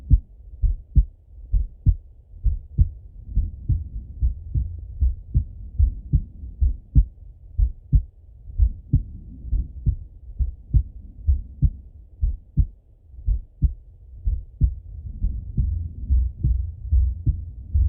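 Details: Male heartbeat by stethoscope during full heart auscultation, recorded either sitting at a desk or lying in bed: steady low thumping paired beats at roughly 85–90 a minute, no extra sounds; normal heart sounds.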